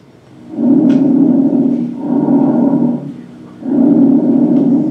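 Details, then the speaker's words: Bronchial breath sounds: loud, harsh, hollow, higher-pitched breathing with inspiratory and expiratory phases of about equal length. "some of the abnormal breath sounds if you're loosening bronchial higher pitch count sounds your inspiratory expert or ep's is about the same still sounds pretty clear"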